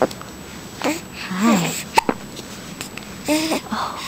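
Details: 4-week-old baby boy with hiccups: short abrupt vocal catches between soft coos.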